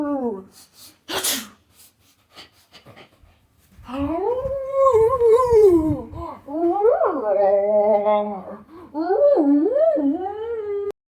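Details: Bear sneezing: a short, sharp burst of air, followed by long, drawn-out tonal roaring calls.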